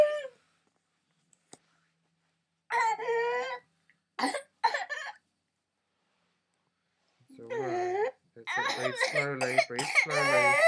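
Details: 22-month-old fully immunised girl with pernasal-swab-confirmed pertussis: coughing bouts broken by long, high-pitched noisy in-breaths; whooping cough with inspiratory whoop.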